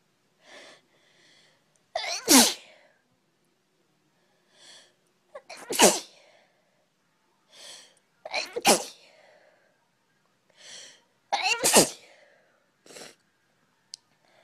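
Four sneezes in a row, each preceded by a quick indrawn breath, with quiet pauses between them; a plain run of repeated sneezing.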